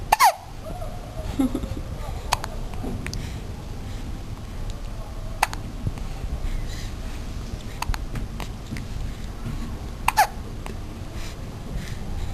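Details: One-month-old infant after a feed: sharp, brief hiccups recurring irregularly, about five over twelve seconds, against steady low room noise; infant hiccups.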